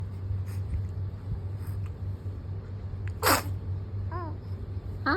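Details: Brief, sharp sneeze from a 7-week-old baby boy over a steady low room hum, with faint chirpy sounds afterward; infant sneeze.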